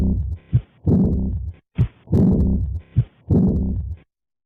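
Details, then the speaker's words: Blowing diastolic murmur that starts loud at early diastole and rapidly fades, following short heart sounds, best heard along the left sternal border rather than the aortic area; aortic regurgitation murmur. "the murmur is best heard not in the aortic area but rather along the left sternal border it peaks at the beginning of diastole when the pressure difference is highest then rapidly decreases as the equilibrium is reached"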